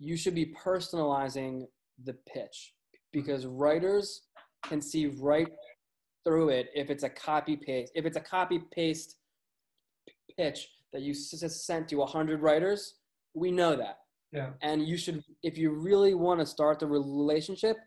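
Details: Man with a lifelong stutter, with word and phrase repetitions: stuttering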